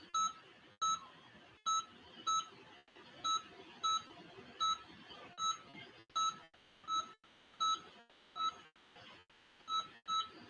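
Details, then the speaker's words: Regular electronic beeps, about 40 a minute, from the anesthesia monitor of a pet under general anesthesia during periodontal probing after power scaling in a veterinary dental procedure, with faint room noise. "you're hearing the beeping and that's from up the patient because it is it is under"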